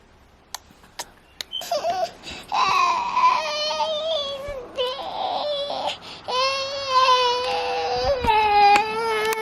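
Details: Sustained, strained crying in repeated wails after a few soft clicks from a sick, teething baby boy with fever (up to 102.1°F, now 99.8°F), tired and out of it; cause unknown to mother.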